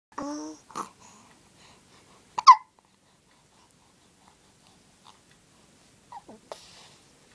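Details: Infant with recurrent hiccups, not distressed, babbles briefly, then gives a sharp little gulping hiccup with a few softer catches after it: infant hiccups.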